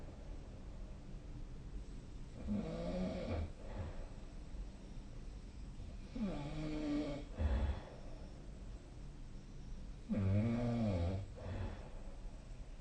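Three rattling, vibrating snores on inhalation, each lasting about a second, roughly every four seconds, over a low background hum.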